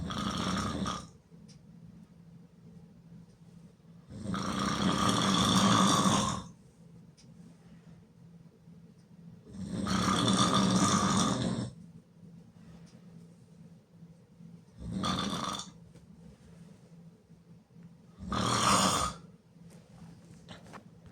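Loud, rattling snores at irregular spacing, roughly 12 a minute, with quiet breathing in between: heavy open-mouth snoring.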